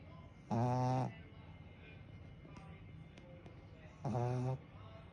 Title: Snoring awesome‼️#dog #snoringdog #cutedog いびき凄‼️#犬 #いびき犬 #可愛いいぬ